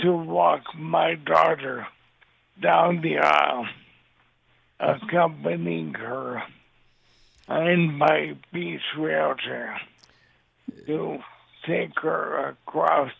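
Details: Dysarthria in an adult man with ALS diagnosed in 2014; the disease has affected his voice and mobility, and he also uses a synthesized voice.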